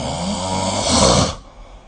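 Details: Snoring recorded with the SnoreLab phone app: a single loud, rough snore on an in-breath, fading into quiet breathing.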